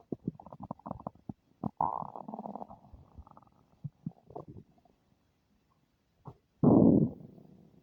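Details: Stomach noises the person calls unfamiliar: bursts of gurgling and squeaky rumbling with pauses, then a loud final growl; active borborygmi.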